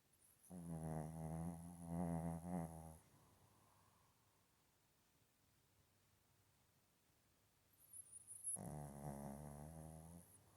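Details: Shih tzu with tongue out, snoring: two long, deep, rumbling breaths separated by several seconds of quiet, with a faint high whistle.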